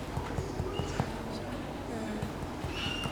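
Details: A series of soft finger-percussion taps over the left flank during an abdominal examination of an adult man, the note starting to sound dull over the spleen, against faint room noise.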